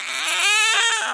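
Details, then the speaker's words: Two-week-old baby boy gives a short, high-pitched rising and falling cry, called his milk cry; hungry newborn cry. "You hear that little cry? Is he doing the milk cough? Oh, that's the milk cry. That's the milk cry. That's Mama. I need milk."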